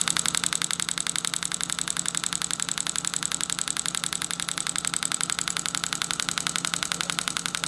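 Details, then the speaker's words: Storz MP 200 radial shockwave therapy handpiece (separate compressor, up to 5 bar and 21 Hz) treating plantar fasciitis of the foot: rapid, very regular mechanical clicking pulses, about 3.7 per second. "a shockwave therapy machine the MP 200 uses a separate air compressor which allows us to reach a power of five bars and 21 Hertz which makes al"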